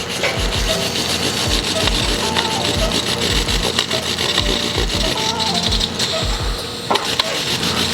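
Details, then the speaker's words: Microdebrider shaving and suctioning large, drug-resistant nasal polyps during revision endoscopic sinus surgery after medical therapy: continuous rasping, grinding noise with steady rhythmic low pulses. "뒤쪽에 숨어있는 부분까지 다 이렇게 제거가 됩니다"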